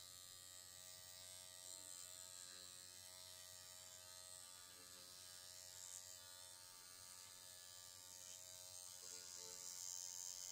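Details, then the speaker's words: Dr Pen A11 Ultima Pro microneedling pen switched on at speed three, used on own forehead for wrinkles and fine lines (forehead depth one to three): steady high-pitched electric buzz running continuously with faint room noise. "Turn it on. Speed one, two, three. And I think we're going."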